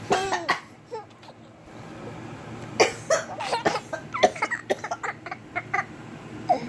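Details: Several short, dry cough bursts from an adult while an infant giggles and squeals nearby; ordinary coughing.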